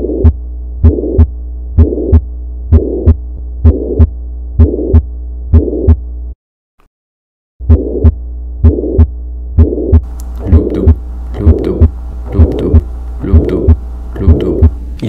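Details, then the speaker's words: Canine heart recorded with an electronic stethoscope: regular beat near 64 a minute with a whooshing systolic murmur filling the gap between the first and second heart sounds. "Donc là, il s'agit effectivement d'un souffle systolique"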